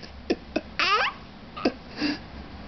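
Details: Young child gives three sharp, abrupt hiccups with a brief giggle between them and a short vocal sound after: ordinary hiccups.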